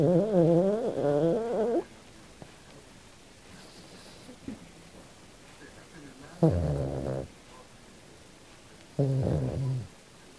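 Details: Female Australian silky terrier asleep and dreaming: three drawn-out whining, groaning vocal sounds separated by quiet pauses; sleep vocalizations, not snoring.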